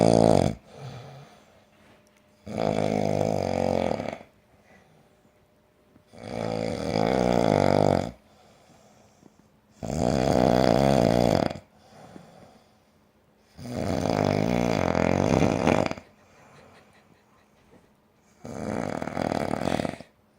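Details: Josh ("Newfie") snoring: loud, deep, rattling snores on each breath, about 16 a minute, with quiet pauses between.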